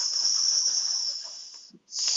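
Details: Sound prolongation (stuttering) in a client who reported being unable to say 's': prolonged initial 's' of 'Sam', attributed to difficulty moving from voiceless 's' to the voiced vowel, with vocal folds staying open instead of phonating.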